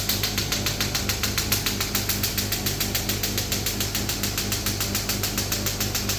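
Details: Rapid, regular mechanical clacking pulses, about 140 a minute, over steady machine hum: a new-model shock wave therapy machine firing in a physiotherapy demo, after the second handpiece is attached and the pressure (bar) is lowered.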